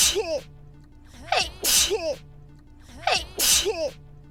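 Four sharp, explosive sneezes with a quick in-breath before each, in two pairs; ordinary sneezing.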